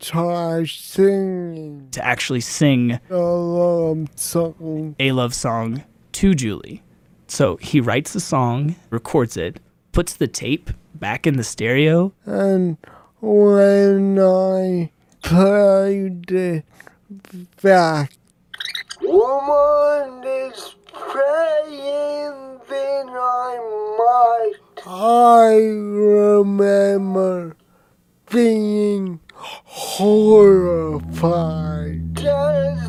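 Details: Dysarthria with very slow speech and movement after a traumatic brain injury from being hit by a car at age 8, followed by a 5-month coma; male speaking.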